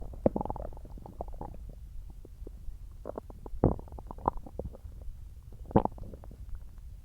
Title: {~stomach growling after eating watermelon~}